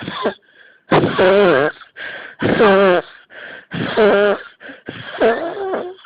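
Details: Four loud, harsh cough bursts in quick succession, each followed by a gasping in-breath; a repeated coughing fit, person unable to stop coughing.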